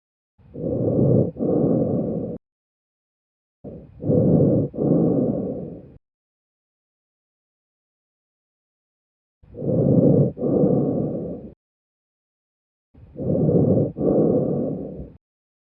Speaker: You are listening to bronchial breath sounds.